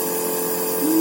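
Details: A Norditalia compressor nebulizer runs while a seated young child inhales medication for a cough and runny nose.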